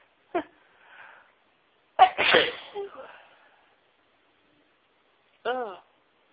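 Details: Adult trying to announce sneezes: a brief gasp, then a loud explosive sneeze with a trailing exhale, followed seconds later by a short voiced sound.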